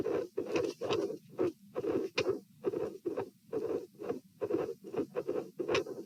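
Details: Heart sounds at the pulmonary area (position P), patient sitting, dilated aortic root: irregular rhythm with premature atrial and ventricular contractions.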